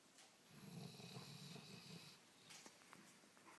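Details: Sleeping dog: soft, low rattling breaths rising and fading over a breath cycle in a quiet room; snoring.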